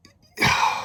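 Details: Adult man with Tourette syndrome (vocal tics including swearing), probable involuntary vocal sound: vocal tic.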